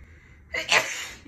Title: Snow Day Sneezes (F)